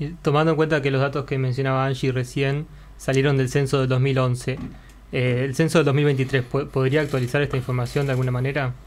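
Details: Adult speaker (Spanish); typical speech.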